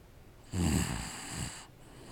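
A single harsh, rattling snore on an in-breath lasting about a second, with a breathy tail. Ordinary snoring.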